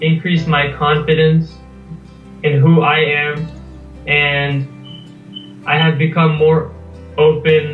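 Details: Stuttering (stammering) in a 19-year-old male US college student reading a passage aloud. He has stammered as long as he remembers, and the problems reportedly began at age 8 after adenoid removal. His blocks occur mostly on m and b sounds.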